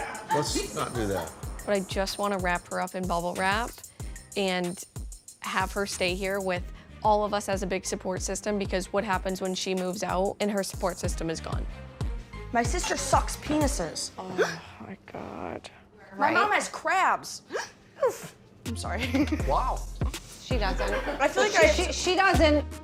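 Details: 21-year-old woman with severe Tourette syndrome and obsessive-compulsive disorder; narration ends with an involuntary swear-word tic; Tourette syndrome vocal tics (coprolalia).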